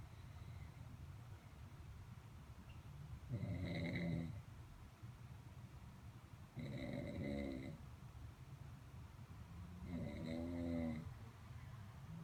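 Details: Three loud, rumbling snores during sleep at a slow, steady breathing pace with quiet room hum between.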